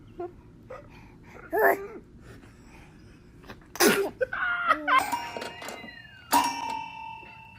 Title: Komik Bebek Hapşırma Videoları / Funny Baby Sneezing Videos